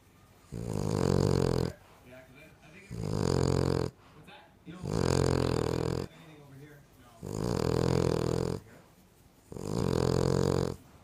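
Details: King Charles Cocker Spaniel, a small dog, asleep: loud, rattling snores, five in about eleven seconds with quieter breaths between; owner calls her louder than any person, heavy snoring.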